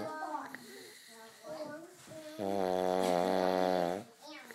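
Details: Man snoring: rough, rattling breath noises building into a long, loud, buzzing snore with a steady droning pitch, heavy snoring.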